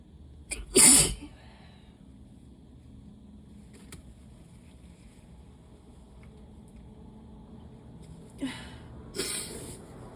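Two loud, wet, explosive sneezes separated by several seconds of quiet room noise, from allergy sneezing.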